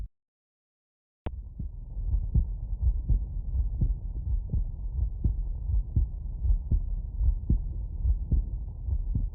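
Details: Normal heart sounds.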